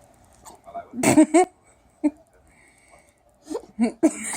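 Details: Hiccups, an old recording: short, abrupt voiced catches at irregular intervals with quiet gaps, soft talk in background.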